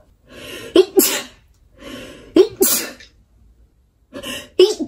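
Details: Japanese woman sneezing three times in a row, each sneeze an indrawn breath followed by a sharp explosive burst.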